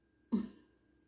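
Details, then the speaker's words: Cough from an adult with COVID-19, a runny nose, nasal voice and laboured breathing who says she coughs a lot: a single short, dry throat-clearing cough in a quiet room. "Désolée pour ma voix nasillarde, mais j'ai le nez qui coule, je tousse beaucoup. Et avec cette saloperie de Covid, je respire comme une grand-mère. Donc désolée, voilà pour la toux."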